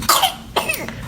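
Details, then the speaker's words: Whooping cough (pertussis) sound example, described as typical in children: two sharp coughs, then a high, sliding, noisy crowing inspiration, the inspiratory whoop following coughing fits. "Et on peut surtout chez les enfants avoir en fait une reprise bruyante de l'inspiration et ça fait un champ du coq."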